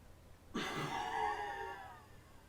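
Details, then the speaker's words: Spirometry FVC manoeuvre demonstrated on a Welch Allyn PC-based SpiroPerfect spirometer: after breathing in, a single sudden maximal blow into the sensor that stays strong and slowly fades over about two seconds; a forced expiration. "the patient should breathe in as before place the sensor in their mouth before blowing out as forcefully and for as long as possible before their volume is used up"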